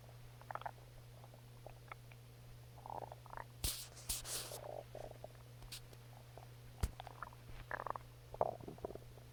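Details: Stomach growling (borborygmi): irregular gurgles, squelches and low rumbles from the belly.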